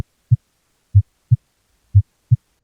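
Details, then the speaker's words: Normal heartbeat as heard through a stethoscope: clean lub-dub at about 60 per minute, quiet between beats, with no murmur. "well a heart murmur is just a sound that your cardiologist or your doctor hears when they listen to your heart with a stethoscope here's what a normal heartbeat should sound"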